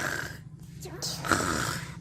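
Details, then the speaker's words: A child imitating snoring in a playful pretend-sleep comedy skit: low, rattling, throaty sounds; simulated snoring. "Ya sudah nih ada orang bobok ini ada orang bobok ini ngorok"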